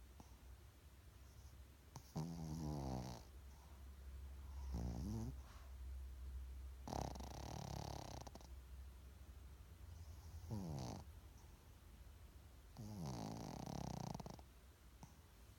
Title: Wally snoring!!!!